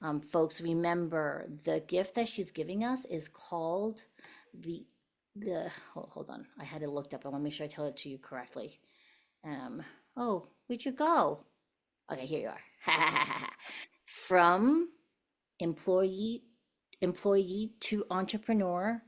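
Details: Adult woman speaking; ordinary speech.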